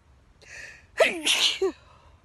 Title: Fourth of July sneezes in the sweet pea field